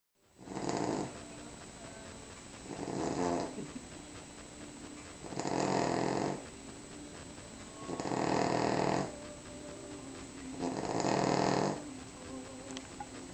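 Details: Cavalier King Charles dog snoring again after eating Christmas turkey. Regular loud rattling snores, about 22 breaths a minute, over steady room hiss.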